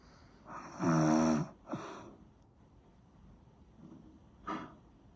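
One loud, rough, buzzing inhaled snore, then a shorter snort and a faint breath; snoring during sleep.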